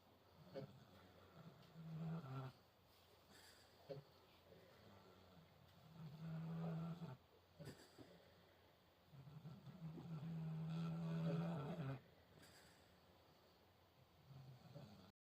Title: sleepy piggies! #bondedoakacres #farmlife #kunekune #snoring